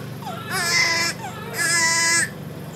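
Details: A baby on Pumani bubble CPAP during monitoring and nasal care (suctioning, saline drops for blocked nostrils) gives two loud, high-pitched crying bursts with a clear tonal quality.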